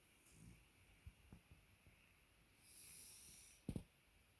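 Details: Dog fallen asleep after a belly rub: soft sleeping breaths with a faint whistling snore and a brief snort at the end; quiet dog snoring.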